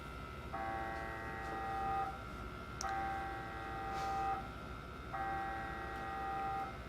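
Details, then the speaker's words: MRI brain scan of a participant wearing earplugs, with a coil over the head, to take 3D pictures: loud repeating electronic tones in blocks of a couple of seconds with short pauses over room noise; MRI scanner noise. "so if you hear that sound what that sound is is electricity being sent through the coil that's over Lisa's head and what that's going to allow us to do is take pictures in three dimensions of Lisa's brain"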